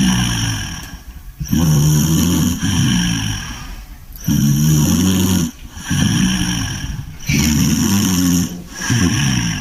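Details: English bulldog asleep, snoring very loudly with rough, rumbling, harsh snores about 20 a minute, long on each breath; flat-faced dog snoring.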